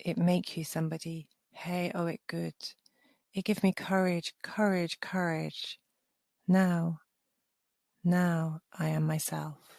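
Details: Aphasia after stroke in a participant of a solution-focused brief therapy (counselling) study for people with aphasia.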